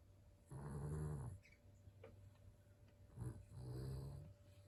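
Two low, buzzing, rattly breaths in a few seconds with quiet between; snoring in a sleeping small dog.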